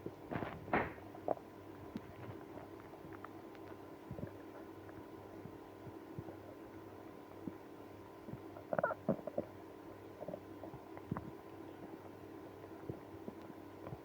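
Quiet room with a few brief gurgles and squeaky rumbles from the belly; active bowel sounds, stomach growling in irritable bowel syndrome.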